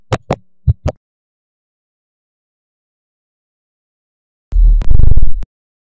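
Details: Animal heartbeat from a lab exercise, species not stated: two paired low heart thumps, a long silence, then a loud, distorted low rumbling burst.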